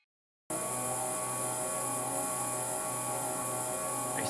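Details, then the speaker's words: Venturi suction device at 100% power with a Yankauer-type sucker, hospital setup in an experiment testing whether suction reduces aerosol during phacoemulsification cataract surgery; suction judged inadequate. Steady loud hiss and hum starting abruptly after brief silence. "hospital set up with Janka sucker attached to a venturi suction device set at a hundred percent power using this device the suction is inadequate"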